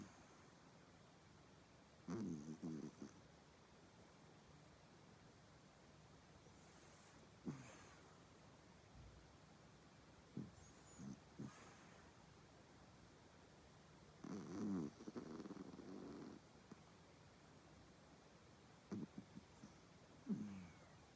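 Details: Soft, low rumbling snores from a sleeping cat, recurring every few seconds in a quiet room: cat snoring.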